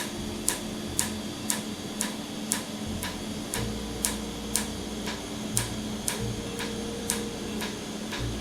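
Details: Laser tattoo removal with cooling air; treated ink frosts over when hit, red ink to be treated differently next time: sharp regular ticking laser pulses about twice a second over steady cooling-air hum.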